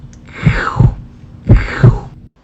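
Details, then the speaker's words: Vocal imitation of a mid-systolic crescendo-decrescendo ("diamond") heart murmur in a veterinary cardiology explanation: a whooshing sound swelling then fading between two heart thumps, S1 and S2. "começa histórica opção também conhecido como som de Diamante porque diamante porque ele cresce de intensidade"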